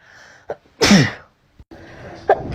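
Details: Single ordinary sneeze from a sneezing compilation: a quick breath in, one loud explosive sneeze, then quiet breathing.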